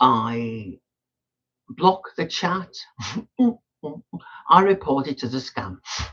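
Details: Adult male woodturner with Tourette syndrome, frequent snorting and throat-clearing vocal tics during speech; he says his tics are quite bad today.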